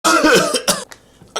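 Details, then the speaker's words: Acted, simulated harsh run of adult coughs in a comedy skit, described as hot and dry, unproductive with no wet rattle: dry cough. "I can tell by the sound of your cough that is hot and it's dry"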